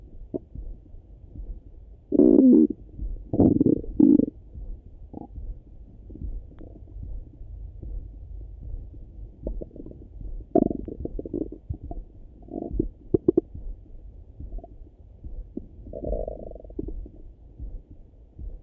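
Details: Irregular gurgling and rumbling bursts with quieter gaps, recorded through a stethoscope over the stomach in the morning; ordinary bowel sounds (borborygmi), a normal finding.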